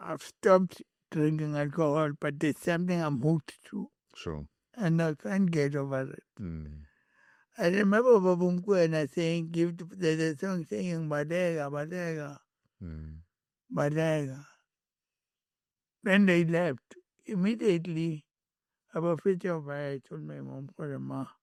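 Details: Adult male with cerebral palsy from birth and a head injury from a June 2000 car accident that affected his speech, walking and left-ear hearing; dysarthric speech.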